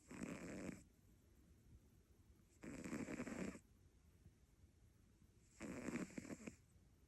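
Three rough, rattling snores on breaths in, about 2.5 seconds apart, with quiet breathing between: snoring in a sleeping cat.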